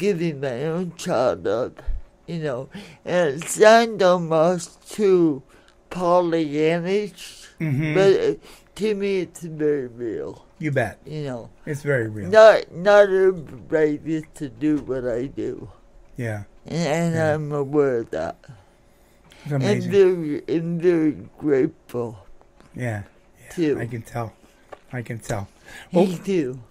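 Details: Adult woman born in 1959 with lifelong cerebral palsy affecting her speech and motor skills, which she attributes to oxygen being cut off to her brain during delivery; some listeners have difficulty understanding her; dysarthria (cerebral palsy).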